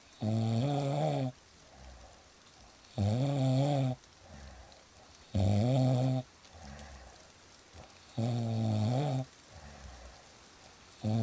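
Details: Loud, rattling snores on each in-breath, about every 2.5 seconds, with soft rain in the background; ordinary snoring.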